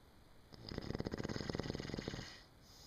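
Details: Snore: one drawn-in breath with a fast, rattling flutter lasting about two seconds.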